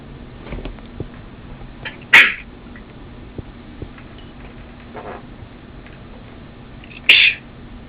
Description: more of me sneezing!